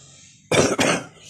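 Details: Two quick, harsh coughs from an adult in a quiet room after a night of coughing, during which the person reports severe asthma: cough.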